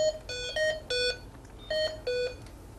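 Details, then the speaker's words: Hamilton T1 ventilator battery alarm: repeating two-tone electronic beeps with a yellow light, signalling it is running on battery power; silenced by pressing the alarm silence button twice. "so once it comes on and you hear the little alarm and the yellow light comes on excuse me press the alarm silence button twice and that'll cancel out the alarm and it'll get rid of that"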